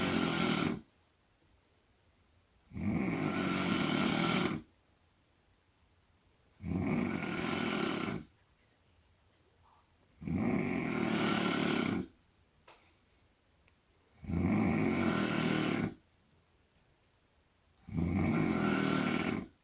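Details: Mom snoring loudly: regular loud snores on each breath in, about 18 a minute, with quiet pauses between.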